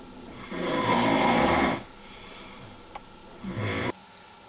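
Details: World's worst snoring: two loud, rough snoring breaths, the first long and rasping, the second shorter, with room noise between them.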